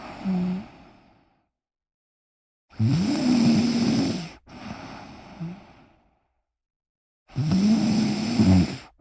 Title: Me Snoring whilst relaxing